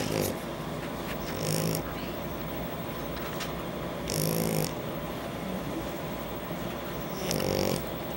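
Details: Shar Pei dog snoring in sleep: short, irregularly spaced snorting snores over steady background hum.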